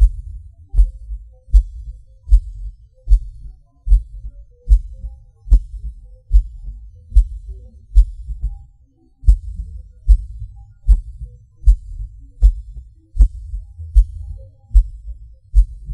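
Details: Self-recorded heartbeat of a person with PVC/PAC premature beats, felt as a falling sensation: low thumps near 76 a minute, uneven spacing, pauses, skipped and extra beats.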